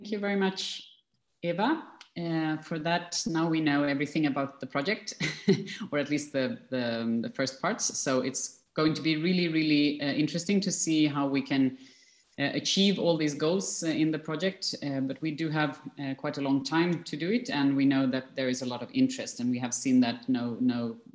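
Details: Adult speaker; ordinary speech.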